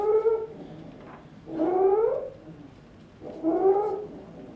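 Three rising, high-pitched tonal breath noises, about 35 a minute, each a musical squeal on the in-breath: musical inspiratory stridor in an infant.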